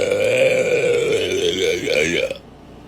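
A long, loud, voiced burp lasting over two seconds, then quiet.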